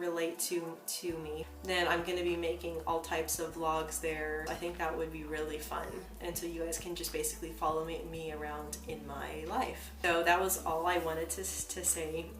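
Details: Real stuttering in an adult woman who says she stutters herself.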